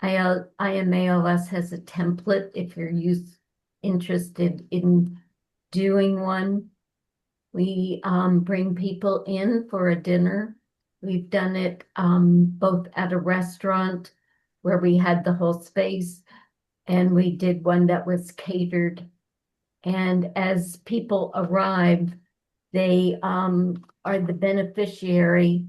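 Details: Dysarthria in an adult woman, former anesthesiologist, with ALS diagnosed 2021, onset with hand weakness and swallowing trouble; now ventilator-dependent, which she says makes speaking difficult; needs help breathing, dressing, eating.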